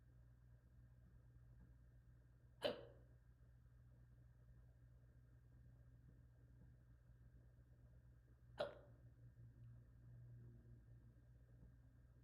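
Two sharp, brief hiccup sounds about six seconds apart over quiet room hum.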